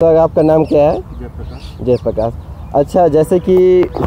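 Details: Hindi-speaking man who stutters, who says he stutters when talking to others; stuttering.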